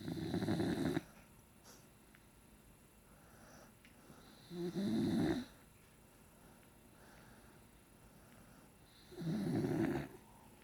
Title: My sleeping snoring baby panda